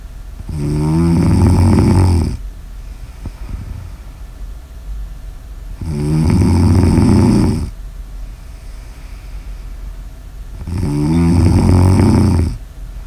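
Loud, regular rattling snores on each breath in, about 13 breaths a minute, with quiet breathing out between them; snoring.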